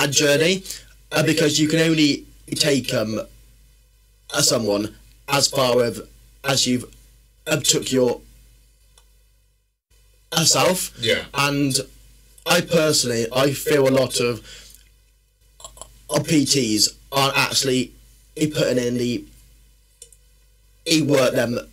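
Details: Stuttering (stammering) in an adult man who has stammered since childhood and works on overcoming it through exercise.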